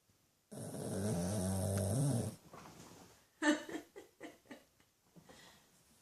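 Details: 13-year-old rescued Shih-Tzu/Pug mix dog, snoring as loud as most humans while asleep with eyes slightly open: one long, loud, rattling two-second snore, then softer snuffling breaths; snoring.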